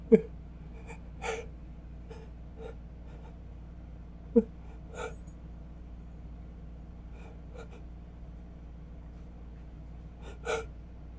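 An adult makes repeated short gasping inhalations building toward a sneeze that never fully releases.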